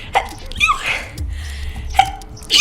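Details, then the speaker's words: A sneeze that got stuck: a short, sharp sneeze-like burst with a quick intake, then a second burst after a pause. "Like actually took a video of a sneeze just now and you can hear the sneeze got stuck."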